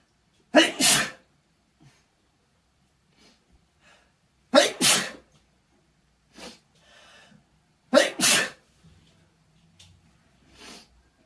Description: Sneezing in my bed from chhinkni. The powder really gets to me, but I still have to encourage some out with inducing.